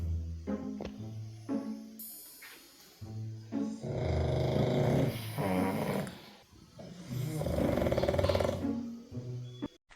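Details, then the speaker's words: Snoring of two sleeping pet dogs in a silent room with the fan off. One makes a high-pitched, whistling, train-horn-like tone, the other a low, rumbling, thudding snore. Possible faint music. "Fan of చేశ room మొత్తం silent గా ఉంది అంటే ఇలా నా voice over కి separate BGM ఇస్తున్నారు."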